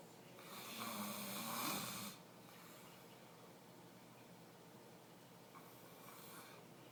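A single loud rattling snore on the in-breath, then quiet room noise and the start of a fainter second breath.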